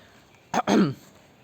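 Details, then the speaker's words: Adult man with a feeling of a cough stuck in his throat, causing tension and set off by cold water or cold drinks, gives a brief two-part throat clear: a sharp burst, then a longer voiced rasp. "I think there's a cough that is stuck in my throat and that causes a lot of tension for me."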